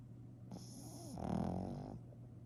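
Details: Sleeping pug: a single rough, fluttering snore on a slow breath.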